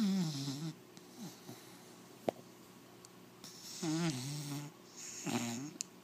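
Soft, wavering, buzzing snores with a whistling edge, recorded close up in a quiet room; snoring in a sleeping puppy.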